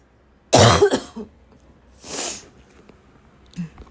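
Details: One harsh, forceful cough with a short follow-up, then a second raspy cough; the person feels they are choking on the cough, tagged as a barking cough; hard coughing.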